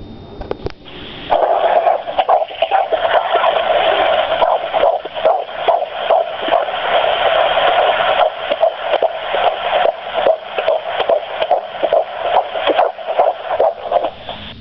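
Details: Fetal heartbeat from the parents' baby: rapid, regular whooshing pulses at roughly 140 beats a minute.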